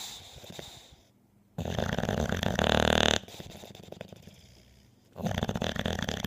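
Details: A sleeping dog snoring: harsh, rattling snores with loud fluttering on each breath and quieter snuffling between.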